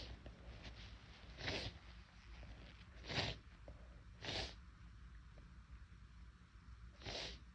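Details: Deliberately induced sneezing on a day the nose felt unusually sensitive and itchy, in someone who normally sneezes little: four short, sharp small sneezes over several seconds with quiet room noise between.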